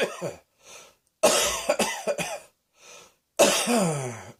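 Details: Repeated harsh, voiced coughs separated by short quiet gaps, with a few softer breaths between them; a cough.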